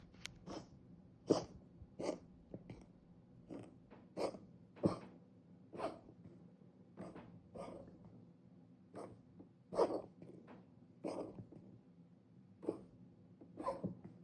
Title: Cat coughing